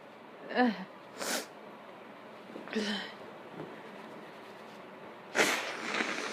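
Three sharp, explosive sneezes, each with a quick inward breath before it, set apart by quiet room noise; sneezes set off by pepper.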